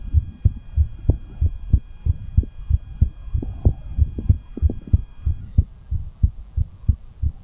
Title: Fast Heartbeat After Exercise | Fast Heartbeat ASMR | 2022-02-22